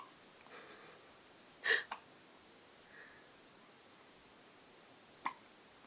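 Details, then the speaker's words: Two people both with hiccups: two brief, sharp, gulping catches about three and a half seconds apart in a quiet room; hiccups. "They both have the hiccups."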